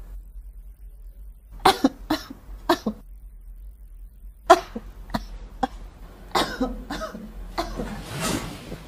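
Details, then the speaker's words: Series of sharp, forceful, dramatic acted coughs from an adult woman performing a comic "burden of the world" cough style in a cough-medicine commercial parody; simulated cough. "ubo number two ubong Pasan Ko Ang Daigdig yung nagpalaki ka ng bata na hindi mo totoong anak kasi pinagtripan ka at kailangan mahanap ang Diary para mabalik"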